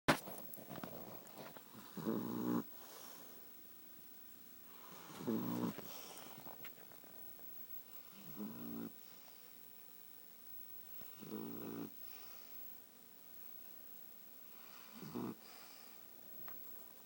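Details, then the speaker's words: A short-nosed pet snoring while asleep: loud rhythmic snores at about 5 per minute, each a rough half-second burst with quiet between; snoring. "Hindi, you were snoring. Are you tired? Are you sleepy?"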